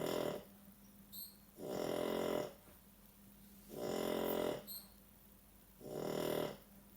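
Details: Dog snoring in sleep; loud buzzing snores on each breath in, about four in seven seconds, with quieter breaths out between.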